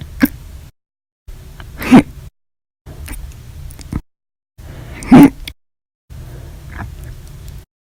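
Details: Repeated hiccups described as violent, loud, silent and minute, after breakfast, lunch and dinner: sharp, abrupt hiccup bursts recurring every few seconds over low steady background noise, audio only.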